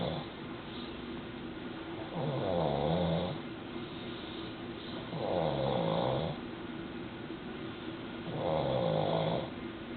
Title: Daddy snoring and mommy bugging baby in womb 31 weeks pregnant